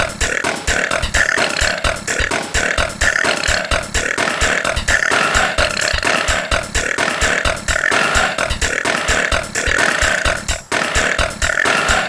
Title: Burping Techno-2016 Editon